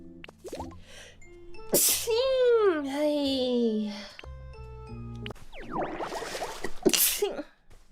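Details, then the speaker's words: A sharp sneeze from a Nijisanji VTuber during a livestream, amid background music, sound effects and a high-pitched voiced sound, followed by the streamer saying a sneeze slipped out and apologizing; a plain sneeze. "あ、くしゃみ出失礼しました。"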